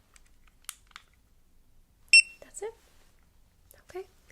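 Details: Fingertip pulse oximeter gives one clear high electronic beep as it switches on, after soft clicks, during a simulated ASMR medical exam; reading 98% saturation, pulse 74.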